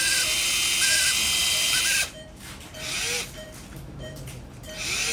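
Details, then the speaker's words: High-pitched power drill whine in bursts as a 3.5 mm cannulated drill bit passes over a guide wire into the coracoid during ORIF of a type 3 (possibly type 5) AC joint dislocation, male aged 55-60. "I think this is an acceptable position, and now I will drill over it. This is 3.5 mm cannulated drill bit. I am drilling over the guide wire only."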